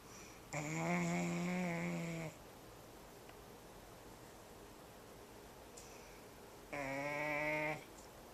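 Two long, loud, buzzing snores on breathing in, separated by a quiet pause. Ordinary loud snoring.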